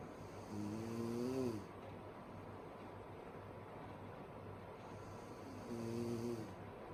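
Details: Sleeping woman snoring loudly: two loud, low, rumbling tonal snores about five seconds apart, each lasting roughly a second, over steady room noise.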